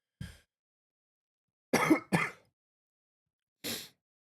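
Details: Adult podcaster with an annoying cough: four short, dry coughs with throat clearing, in two single bursts and one quick pair.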